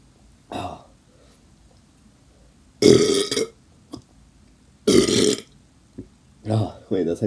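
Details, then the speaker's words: Person burping on purpose after drinking Coca-Cola: two loud, prolonged belches with short voiced sounds between them, which the person thinks are separated by the liquid swallowed in between. "I think they're more separated because there's a lot of liquid in between it so it's like one verb and then some soda or whatever and then another"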